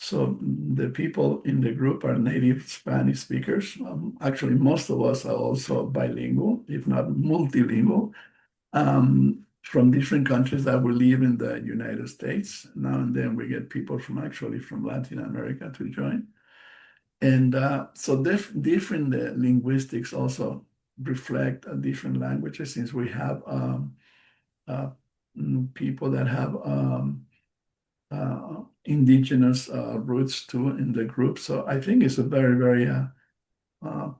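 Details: Post-stroke aphasia in an adult male stroke survivor (stroke March 2020), a non-native English speaker, speaking English: aphasia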